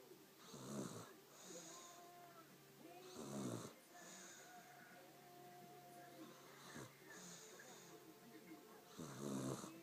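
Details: Sleeping dog snoring: rough, rattling snores recurring every few seconds, about 20 a minute, with faint background sound.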